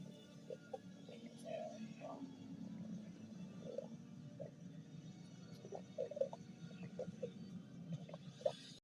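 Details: Stomach growling (borborygmi): a low continuous rumble with scattered short gurgles and bubbling squeaks from gas and fluid moving through the gut.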